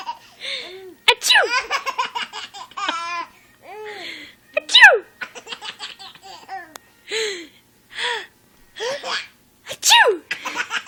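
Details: Someone sneezing for a baby who giggles at the sneezes: a few sharp, explosive sneezes, each followed by bursts of baby giggling; sneezing.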